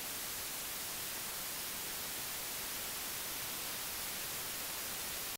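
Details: Speech-like noise used as a hearing aid tinnitus masking sound.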